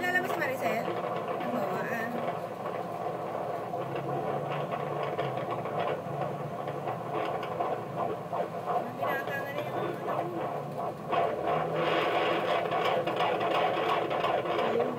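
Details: Fetal heartbeat at 8 months of pregnancy, recorded by Doppler at a clinic: rapid, rhythmic whooshing pulses with steady background noise and faint talk.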